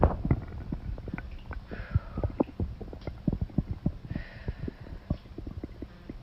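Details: Close-miked loud, irregular gurgling and bubbling belly rumbles from a girl who has held in a bowel movement all day and urgently needs to defecate; stomach growling (borborygmi).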